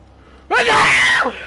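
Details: Person sneezing after saying they need to sneeze, played through a voice changer: one loud, voiced, drawn-out burst like a shouted sneeze, distorted by the effect; a single sneeze.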